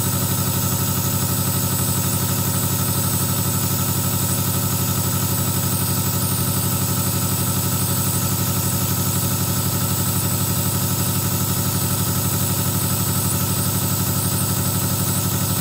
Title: Nebulizer Relax 2hs